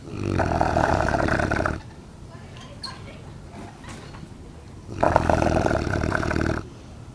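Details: Neapolitan mastiff almost one year old, asleep and snoring: two loud, long, rattling snores separated by a quieter exhale; deep, rough sleep-breathing noise.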